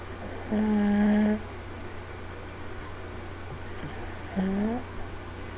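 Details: Two-year-old girl fast asleep on a parent on the couch, recorded on a laptop. Two drawn-out, tonal, whistling snores a few seconds apart over a steady room hum.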